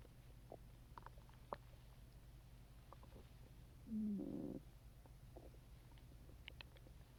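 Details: Gurgling abdominal sounds with one louder rumbling growl after drinking Coke: active bowel sounds, stomach growling (borborygmi).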